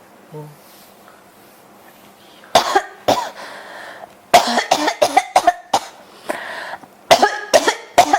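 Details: Persistent cough: repeated harsh coughs in quick runs, around a dozen bursts with little pause between them.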